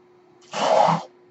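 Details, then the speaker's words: Home mechanical ventilator delivering one breath, audible while its user talks on a podcast: a brief half-second whoosh of pushed air over a steady low machine hum. "my name is that noise you hear he's my ventilator and thank you for tuning into page-turners"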